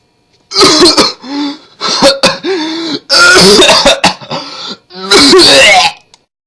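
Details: An adult acts out a run of harsh coughs and throat clearing in a comic demonstration about how to stop coughing or a sore throat; cough and throat clearing.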